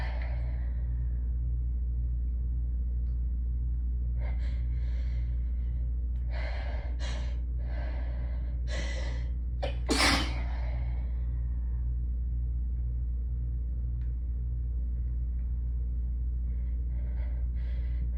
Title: Hayfever sneezing fit pt. 2!